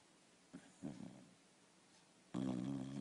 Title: dog snoring in his sleep.... hrrrrrrr